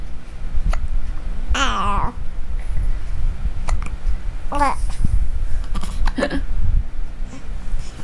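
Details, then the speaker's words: Six-day-old newborn boy: several short, sharp hiccup clicks mixed with a few brief coos over low room rumble. Hiccups. "hey say I'm six days old today and I'm wearing some rocket ships from Kevin Jonah and I got the hiccups"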